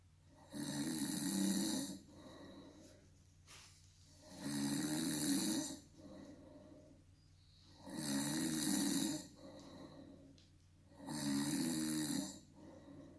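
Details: Snoring produced on cue during a home test of a prototype snoring-detection device: loud rhythmic snores on each inhalation, about four in thirteen seconds, with quieter breathing between over a low room hum.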